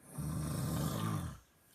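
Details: A single low, rumbling, rattling snore lasting about a second from a sleeper at night, heard by someone who took Ambien and still can't sleep; ordinary snoring.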